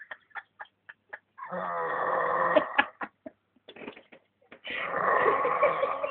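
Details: A person snores loudly, described as snoring like a monster.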